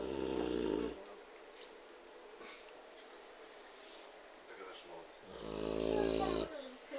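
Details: Rottweiler snoring: two loud, rough, buzzing breath sounds separated by quiet breathing, typical of snoring during sleep.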